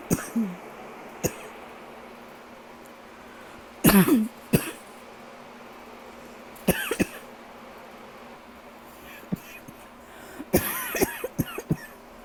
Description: I haven’t had an uninterrupted night’s sleep in days…still coughing so much! 😬